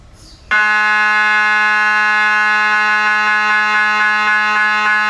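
Loud, steady electronic tone starting abruptly after a brief quiet moment, with regular faint pulses over it, typical of an MRI scanner running.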